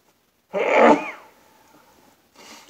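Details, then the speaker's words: One loud sneeze with a sharp voiced burst and trailing rise in pitch, then a faint breath, during a sneezing fit; the sneezer sensed it coming and sneezes into an old shirt. "I knew it was coming I can always tell but then I don't know why I'm sneezing into an old shirt"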